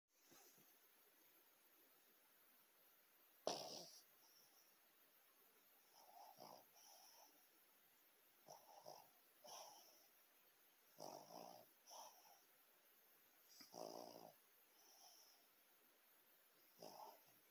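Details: Soft, irregular, wheezy snuffles and snores from a sleeping pet dog, with faint room noise; dog snoring.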